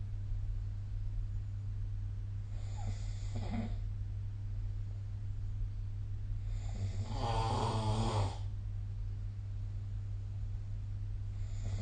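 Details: Snoring during sleep, recorded with the SnoreLab phone app: two rattling snores on breathing in over a steady low hum of room noise.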